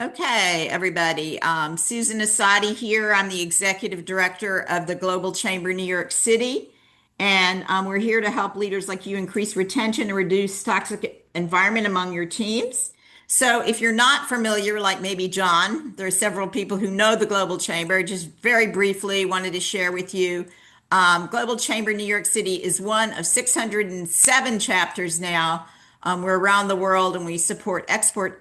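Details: Adult woman speaking; normal speech.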